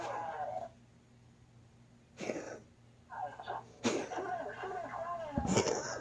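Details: Cat gives several short, harsh coughing bursts, followed by a person's voice in a small room; cat coughing.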